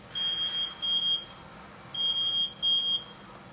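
Repeated high-pitched electronic beep bursts over faint room noise: a ventilator alarm sounding during noninvasive ventilation.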